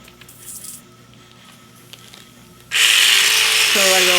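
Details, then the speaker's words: Quiet room, then a sudden loud rushing buzz with a low hum: the Cellfina reciprocating micro-blade running as it is moved left and right along successive guided-platform tracks to release cellulite dimples. "left right come back go up to the next track left right turn it off it's really nice this this guided platform"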